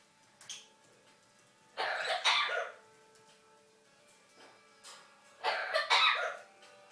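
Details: 23-year-old Amazon parrot, not sick, mimicking a human cough: two pairs of short, harsh cough-like bursts; cough imitation.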